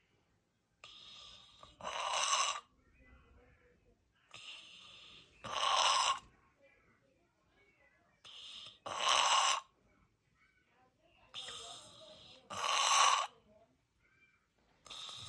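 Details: Actively dying patient: regular noisy breaths, about 17 a minute, each a faint intake then a louder wet, rattling breath: terminal secretions (death rattle).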